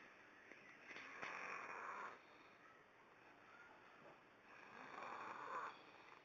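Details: Son snoring, though he says he doesn't, with a booger in his nose: two soft, hissing breaths with faint whistling, nasal edge through background noise; quiet snoring through a partly blocked nose.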